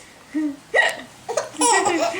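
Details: Laughing young child with hiccups: bright laughter broken by sudden sharp catches of breath as hiccups interrupt.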